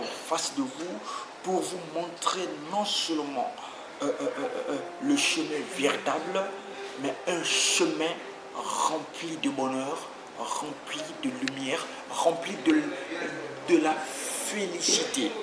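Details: Stuttering in a French-speaking adult man who grew up with a stutter and followed therapy for several months as an adult; he says he still stutters occasionally while speaking here.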